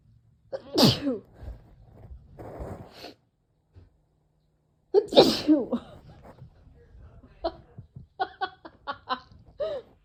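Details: Female with May seasonal allergies, after weeding: two loud, forceful sneezes with sharp intakes before them, followed by short sniffs and breaths; allergic sneezing.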